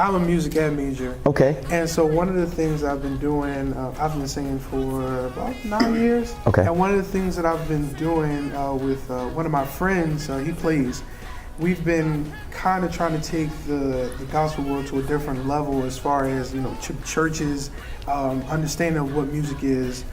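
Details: Adult male speaker; no voice disorder.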